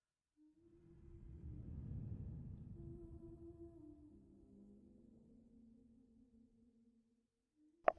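Quiet, drawn-out gurgling rumble with tonal squeaks, fading out, then a brief knock; ordinary stomach growling.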